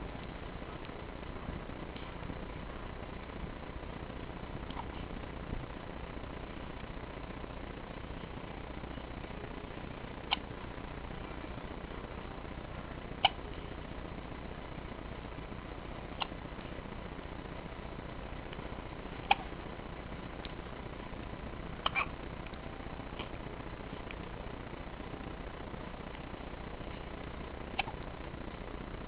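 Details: Child's soft, sharp hiccups recurring every few seconds over a steady low background hum.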